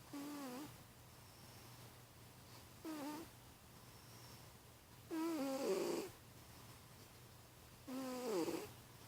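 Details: Sleeping cat snoring: four whistling, squeaky snores about 2.5 seconds apart, about 23 a minute, over a low room hum.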